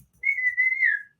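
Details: Adult man with Tourette syndrome, making involuntary whistling sounds as vocal tics. Whistling vocal tic.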